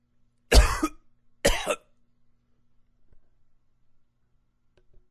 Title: Coughing 26